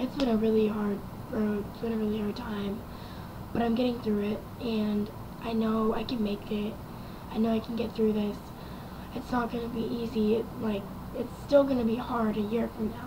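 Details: Young woman after a head-on car accident with fractures and near-collapsed lungs; ventilator tube in throat about 2 weeks damaged a vocal cord, possibly permanently; improved over past months but not back to normal, cannot scream; raspy, quiet voice; dysphonia after prolonged intubation.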